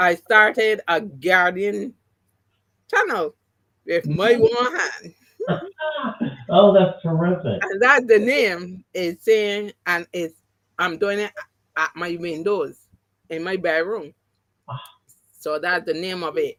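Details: Adult woman with three strokes (2017, 2018, 2019); the first, a haemorrhagic stroke, took her speech and paralysed her right side; aphasia, post-stroke, partially recovered, with some words never returning.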